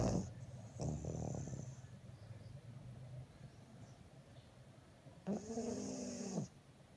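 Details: Dog snoring: low, rattling breathing sounds with a groaning vocal tone on one breath, over steady room hum.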